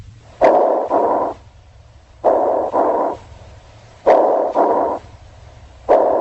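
Coarse, low-pitched snoring sounds come in paired bursts with each breath, about 33 breaths a minute: rhonchi.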